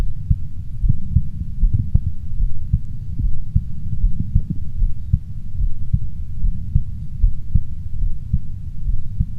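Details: Heart sounds of the speaker's own heart, auscultated at 4 points with a stethoscope: steady, low heart thumps at about 76 beats a minute, with a constant low rumble underneath.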